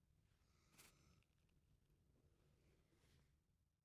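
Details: Cat sneezing: one short, sharp sneeze, followed by faint snuffling in a quiet room.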